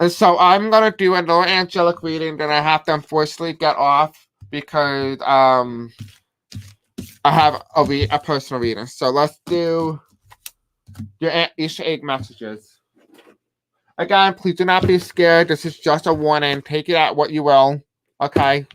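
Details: Male speaker who self-reports a deaf accent and difficulty pronouncing certain words; deaf speech.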